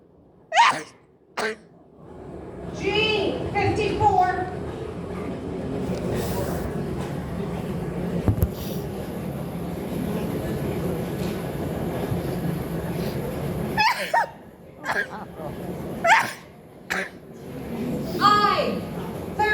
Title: I sneezed. 😅🤣😂